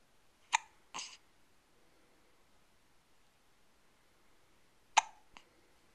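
Two abrupt hiccups, each a sharp catch followed by a short breathy release, about four seconds apart. Hiccups.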